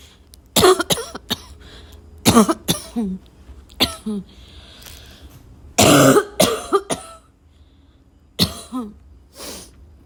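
Several bouts of harsh, dry, barking coughs, some with a short throat-clearing quality, separated by quiet pauses; a repetitive barking cough.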